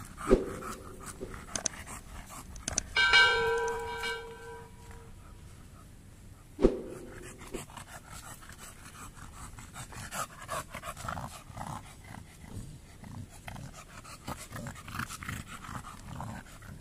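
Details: An overweight bully dog, taken on a midday walk to check its stamina and hind legs, pants fast and rhythmically, about three breaths a second, after a short walk; its stamina is still poor despite reduced feeding.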